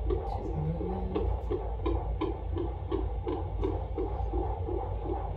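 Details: Fetal heartbeat of a very active baby girl on Doppler at a doctor's pregnancy visit: fast, regular whooshing pulses at about 170 a minute over a steady low hum.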